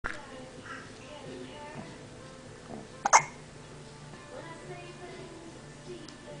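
One sharp, abrupt hiccup against faint music and room noise.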